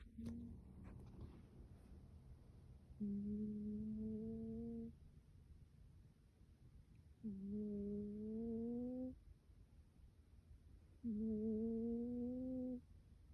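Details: Female cat sleeping with her face covered: three drawn-out, tonal, humming snores about four seconds apart, each near two seconds long, in a quiet room; snoring.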